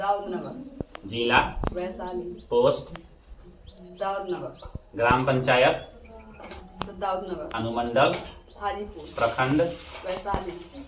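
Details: Mild stuttering, as described by his teacher, in a class 6 schoolboy reciting a memorised Hindi Independence Day speech.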